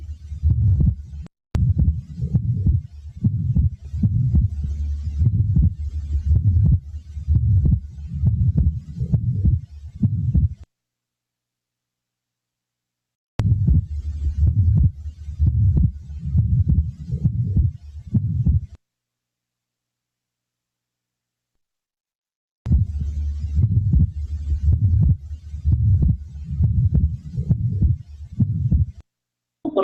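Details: Pathological splitting of the second heart sound, described as fixed and permanent from delayed pulmonary valve closure.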